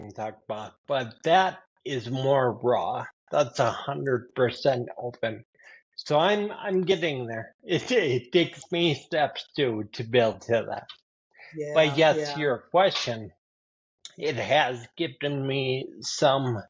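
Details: Adult man with spinocerebellar ataxia type 15 (SCA15), a rare progressive neurodegenerative disorder; his speech has worsened since his early 40s, along with imbalance: ataxic dysarthria.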